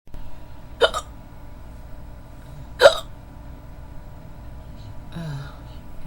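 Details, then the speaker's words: Simulated roleplay audio of a young woman trying to fall asleep, saying she has had hiccups off and on for 15–20 minutes: two sharp, sudden hiccups about two seconds apart over room hum, then a soft voiced sound. "oh excuse me I'm really trying to fall asleep but I can't can't do to these hiccups hiccups excuse me I've had them for about I've had them off and on for about 15 20. minutes"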